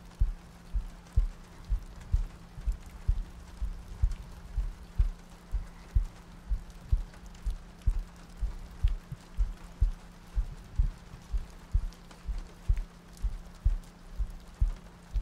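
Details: ASMR sleep-aid roleplay of cuddling next to a girlfriend on a rainy night, a looped track with soft breathing: soft, regular low thumps at about 62 a minute under gentle rain-like noise; a steady heartbeat.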